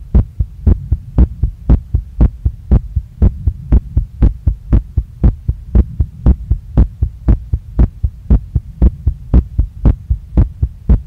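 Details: Female's heart recorded right after a workout, pounding so strongly she felt it in her chest, neck, face and stomach and saw her chest move with each beat; fast, strong, regular heartbeat about 118 a minute with a low hum; rapid heartbeat after exercise.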